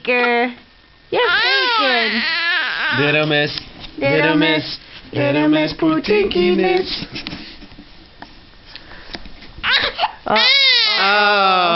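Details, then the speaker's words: Infant girl giving wavering fussy cries mixed with coos, with a calm adult voice in the background trying to soothe her. "what's that supposed to mean pry girl pry girl no no crying"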